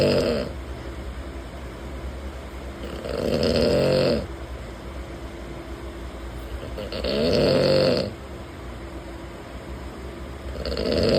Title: Man Snoring 😴 💤 in Train | Sleeper Class | 13138 Azamgarh Kolkata Express Journey | #train